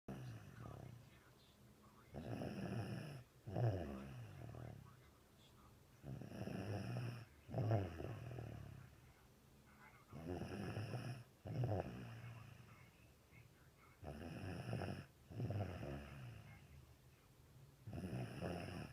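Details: 3-year-old girl snoring with a loud nose after a cold last week: loud, low rattling snores on each breath in, about 15 breaths a minute, quieter breaths out between.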